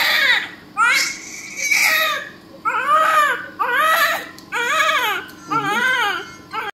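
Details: Newborn baby crying shortly after birth: repeated loud, high-pitched wailing cries, about one per second, with a steady hum in the room; newborn cry.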